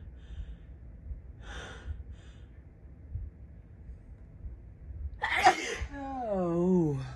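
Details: Woman's morning allergic sneezing, blamed on a fan blowing dust all night: a quick inhaled catch, then one loud explosive sneeze and a trailing vocal sigh.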